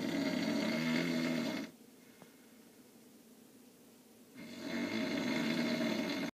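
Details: Loud, buzzing, vibrating snores on each breath separated by quiet pauses; snoring during sleep.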